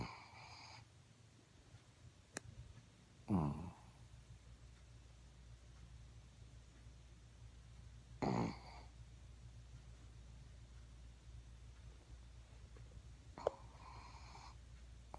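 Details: Pet sleeping with its eyes open while snoring: a few brief, snorting snores, irregularly spaced, over a steady low room hum.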